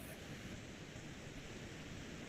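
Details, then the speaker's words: Positive sharp waves with fibrillations heard on an EMG speaker as spontaneous activity at rest: a steady crackling hiss like rain on a roof. "Y las fibrilaciones con las ondas positivas son como lluvias en el tejado, sonidos de lluvias en el tejado."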